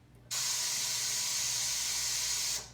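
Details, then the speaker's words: Anesthesia machine ventilator being set up in a demonstration: a steady loud gas hiss lasting about two seconds, then cut off, as the oxygen flush valve fills the ventilator bellows faster. "all right even steer bellows start to rise and you can definitely give it flush to make your fella go faster"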